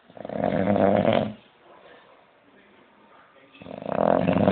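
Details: Musician resting after a gig: loud rattling snores on the in-breath with a quiet pause between, about 13 breaths a minute; snoring.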